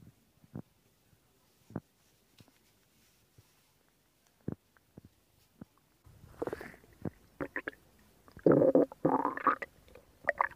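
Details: Stomach growling recorded for ASMR: quiet, scattered clicks and gurgles, then a louder stretch of bubbling, rumbling gurgles, ordinary borborygmi.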